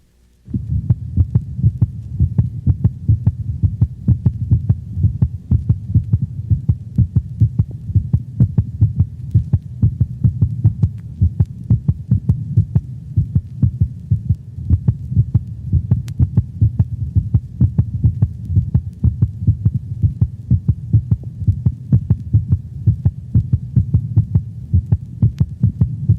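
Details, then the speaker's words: Normal canine heart sounds recorded by stethoscope over the mitral valve region near the left fifth intercostal space at the sternal border, dog standing; first sound lower in frequency than second; sinus arrhythmia with respiration may be present. "listen to the normal heart sounds of a dog heard over the mitral valve region near the left fifth intercostal space at the sternal border"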